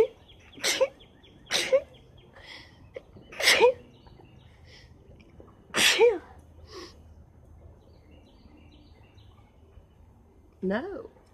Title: Rapid Sneezes with Lots of Nose Blowing